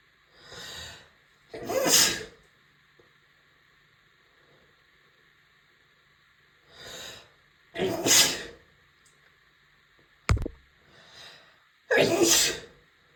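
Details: Adult woman with allergies: three big, forceful sneezes, each preceded by a quick indrawn breath.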